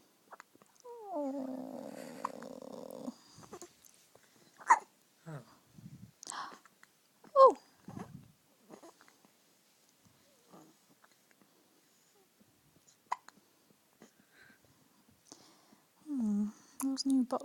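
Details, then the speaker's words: Infant who has had hiccups for a long time and is fussy: whimpers, then short abrupt catches about once a second; hiccups. "Oh, he's sick of it. He's sick of it. He's had hiccups. Ages. Grumpy."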